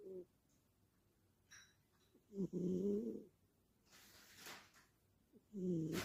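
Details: Sleeping pet snoring like a person: quiet, low rhythmic snores with soft breathy noise between them.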